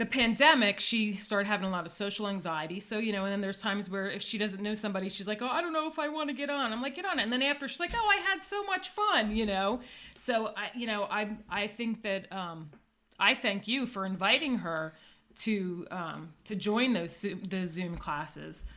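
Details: Adult woman; typical speech.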